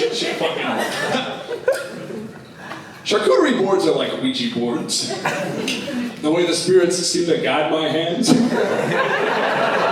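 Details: Adult male stand-up comedian with Tourette syndrome demonstrating his vocal tic of involuntary obscenities, which he says he can sometimes hold or partly suppress; vocal tics with coprolalia (Tourette syndrome).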